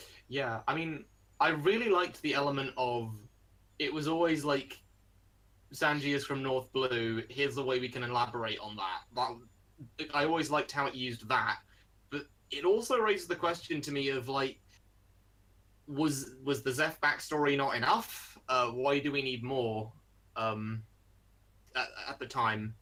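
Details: Adult male speaker; normal speech.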